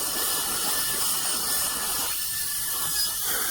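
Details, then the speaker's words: Surgical bur removing bone around the root of a deeply bone-impacted lower left wisdom tooth near the inferior alveolar nerve, with irrigation to avoid heat damage: continuous hissing drill and spray; bur drilling bone with saline irrigation. "And we must give adequate irrigation in order not to damage the bone by heat."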